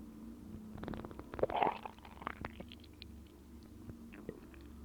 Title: Stomach growls